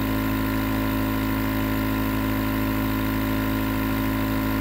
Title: Nebulizer Sound White Noise for Sleep